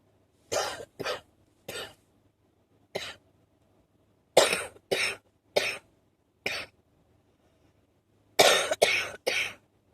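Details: Short wheezy allergic cough: about eleven short, harsh coughs in loose clusters with a faintly wheezy edge; something is finally brought up at the end.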